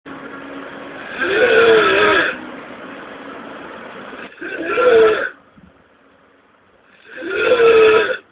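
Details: A chubby person snoring heavily: loud, rough, drawn-out breaths in three cycles, about 21 a minute, with quieter stretches between.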